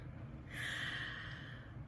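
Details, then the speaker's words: Short-nosed dog with tracheal problems giving a single harsh, noisy breath over a low room rumble in the background; snoring. "And if you hear snoring, that's Precious, my other dog, snoring. She's up here today hanging out, and she has some trachea stuff. She has short nose, so she snores."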